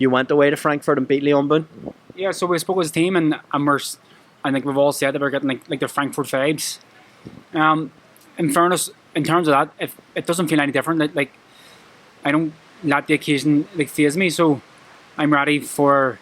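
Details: Adult male professional boxer with a lifelong stammer present since childhood that he struggles with every day; it worsens with nerves, e.g. at press conferences. Finding: stuttering.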